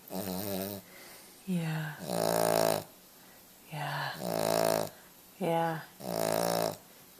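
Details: Sleeping Cavalier puppy snoring: paired voiced, rumbling breath sounds in and out about every two seconds in a quiet room.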